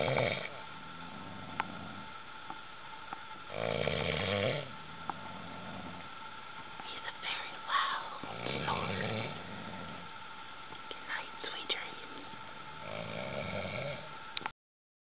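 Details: Male snoring very loudly while asleep; slow, rough snores at about 14 per minute, with a steady hum in the room; snoring.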